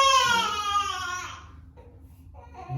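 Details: 8-week-old girl with acute torticollis, unable to turn her head right, causing nursing problems and a flat spot, during gentle chiropractic muscle work: a short high-pitched cry fading into quiet whimpering.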